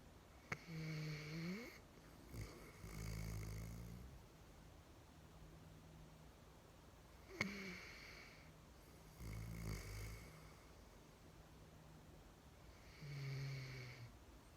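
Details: Loud rattling snoring in sleep: each inhale a low, fluttering rumble, about four breaths per minute, with quiet exhales between.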